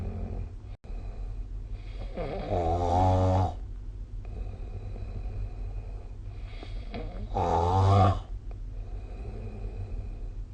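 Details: Snoring during sleep, recorded with the SnoreLab smartphone app; snoring.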